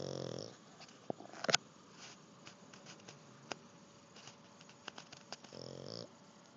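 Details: Two rough, rattling snores about five seconds apart from Jack, a sleeping pug, after learning to swim, with quiet room noise and small clicks: snoring.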